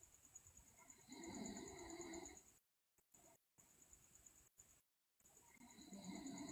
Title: Sleeping Girl Loudly Snore, Teeth Grinding, Delirious